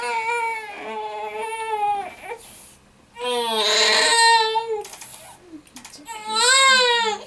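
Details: A triplet girl (extremely constipated) cries during a chiropractic Koren Specific Technique adjustment: three bouts of high-pitched crying separated by short pauses and sharp in-breaths; an ordinary infant cry.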